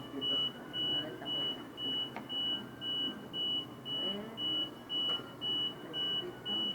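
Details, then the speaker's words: Mechanical ventilator alarm signalling no pressure delivered, so the patient is not being ventilated: steady repeating high-pitched beeping over room noise. "Donde se acude, pues, si hay alguna desconexión en algún lado, me va a dar esa alarma."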